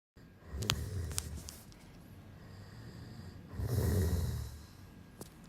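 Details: Deep rumbling snore from a man asleep in someone's bed, building on one breath, with nearby rustling and handling clicks: snoring during sleep.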